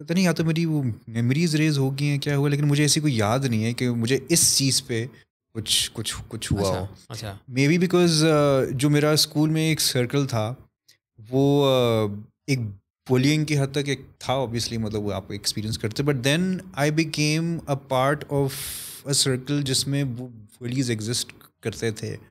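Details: Stuttering in an adult male who reports searching for alternate words as he speaks, worse when he is conscious of it.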